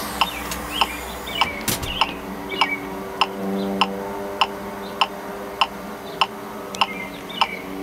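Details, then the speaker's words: LIFEPAK 15 CPR metronome, designed to punch through noise, replayed in noisy settings such as ambulance, bar, emergency department, freeway and helicopter: crisp regular ticks about 100 a minute over background hum and chatter. "so I want you to listen this as I replay those environments see how often you can hear the CPR metronome"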